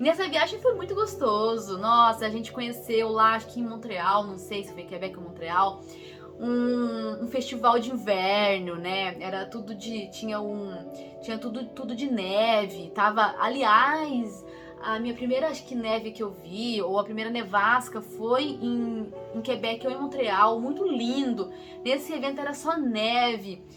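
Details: Portuguese-speaking woman who stutters; stuttering.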